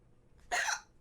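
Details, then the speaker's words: Hiccups in a female streamer during repeated bouts, possibly from eating too fast: a single short, abrupt breathy burst with a sharp onset. "these head cups aren't the worst don't worstest of the worstest"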